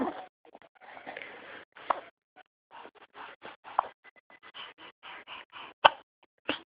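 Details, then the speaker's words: Baby with hiccups in a quiet room. Short, sharp breathy catches repeat irregularly between soft baby noises; typical infant hiccups. "You got hiccups. What are you gonna do about them?"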